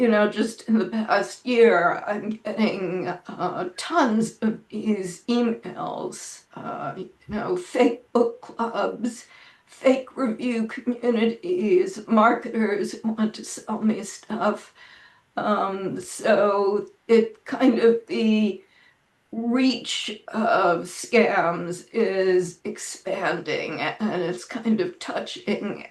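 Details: Adult woman with spasmodic dysphonia, which she says causes her voice to sound this way; severity varies from day to day, and she reports this is not a particularly good day; spasmodic dysphonia.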